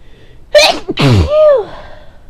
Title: Power behind the sneeze